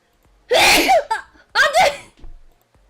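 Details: Streamer sneezing during a live stream with the microphone held very close: two forceful sneezes in quick succession, each a sharp burst of air and voice, followed by a soft breath; ordinary sneezing.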